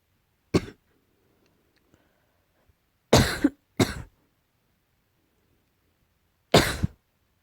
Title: slight cough